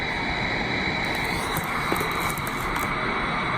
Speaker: The wind noise you're hearing right now, that's coming from the CPAP machine, which is powered by the FlashFish power bank.